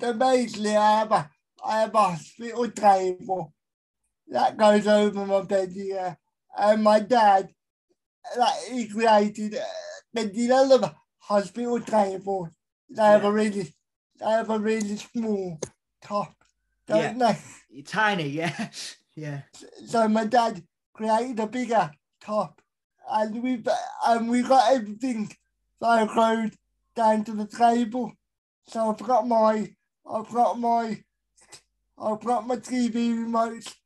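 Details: Dysarthria in a male with a severe type of cerebral palsy, real.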